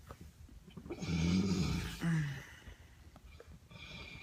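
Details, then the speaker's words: Loud, rough, rattling snore on the in-breath, then a shorter snort-like snore, from a man sleeping after a night of drinking; heavy snoring. "This is what it's like sleeping next to him when he's been drinking."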